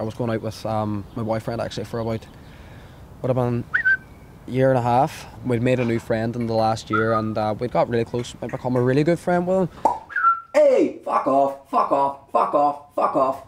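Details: Young man with suspected Tourette syndrome (self-believed, not officially diagnosed), vocal tics of sudden onset after a traumatic breakup and a psychiatric hospital stay; involuntary noises and words including swearing (coprolalia), e.g. 'hey'; vocal tics with coprolalia.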